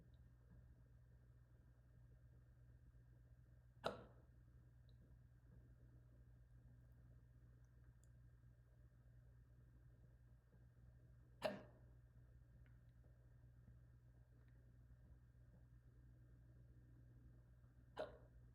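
Three brief sharp catches several seconds apart over steady room hum; hiccups.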